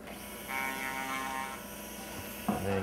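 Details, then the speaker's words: Buzzing whine of a motorized arthroscopic shaver running in bursts, cutting soft-tissue bands beneath the acromion during arthroscopic subacromial decompression of the shoulder. "if you got bands you want to break just pinch them up underneath the chromium run in One Direction and cutter R and that'll typically just cut"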